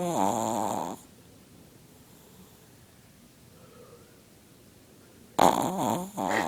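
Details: Chihuahua snoring really loud, at times with eyes open: loud, rattling snores, two noisy breaths separated by a quiet pause.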